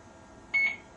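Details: A single short, high-pitched beep from an Alaris IV infusion pump during power-on setup, as it checks the loaded line and is sensitive to air bubbles and occlusion.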